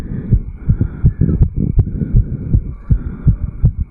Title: 34 Year Old Male Fast Heartbeat Recording. 160 to 180 BPM, Jogged up Bel Air Cairns.